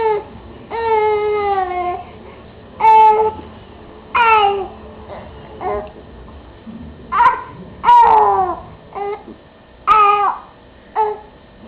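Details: 5-month-old infant girl with hiccups sitting in a Bumbo chair, giving repeated short wailing cries with brief pauses; ordinary infant crying.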